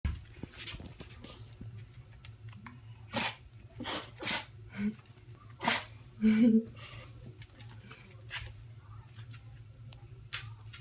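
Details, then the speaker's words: Bella, a pug, sneezing repeatedly: a run of about five short, sharp nasal sneezes in a quiet room, followed by a snorting sound; sneezing. "Bella. Why do you keep sneezing? Bless you."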